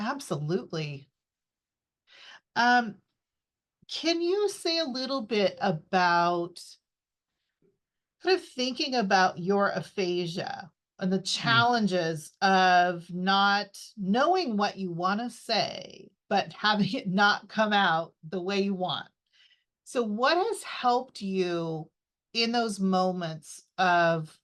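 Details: Adult speaker (interviewer); typical speech.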